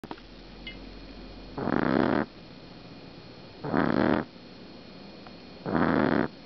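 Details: Snoring from a 6-week-old female black pug puppy napping: loud, rough snorts on each breath, about 30 a minute, with quiet gaps between.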